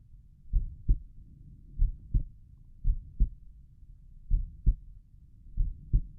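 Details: Own heartbeat heard at Erb's point while lying down relaxing: clear paired low thumps, first and second heart sounds, steady about 88 beats a minute, no extra sounds; normal heart sounds.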